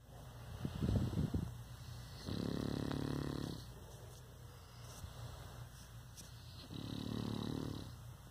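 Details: Boston Terrier dog snoring while asleep: two long, rumbling, fluttering snores on the in-breath with a brief snort between them.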